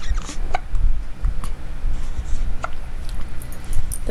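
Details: Six-day-old newborn boy with hiccups: soft, brief hiccup clicks a few seconds apart over heavy low room rumble.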